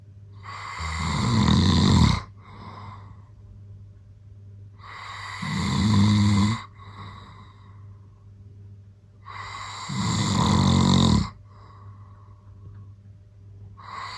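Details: Adult man (the uploader's father), recorded unaware while asleep, with loud, low rattling snores on each in-breath, about 13 a minute, and quiet exhales between: ordinary heavy snoring.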